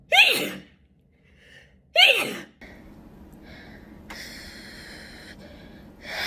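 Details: Two sharp sneezes from a girl, each with a quick indrawn breath before the burst, then quiet room noise and a brief hum.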